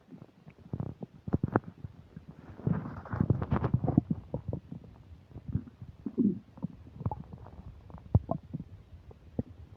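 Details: Loud stomach rumbling while eating a burger and fish fries, upset digestion: frequent gurgles, pops and low rumbles of active bowel sounds.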